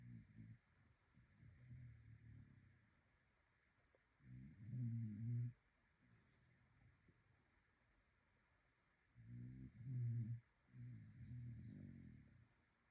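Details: Sleeping dog with slow, deep, rumbling breaths and a vibrating snore on each cycle, roughly one every five seconds: snoring.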